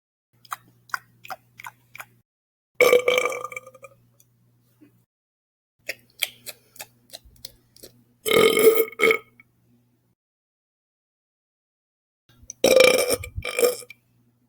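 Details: Two people drink root beer soda and have a playful burping contest: three loud, drawn-out belches separated by faint clicking and tapping sounds.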